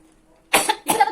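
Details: Simulated partial airway obstruction (choking) in a nursing emergency-care demonstration: two forceful acted coughs, the victim still able to cough and respond effectively.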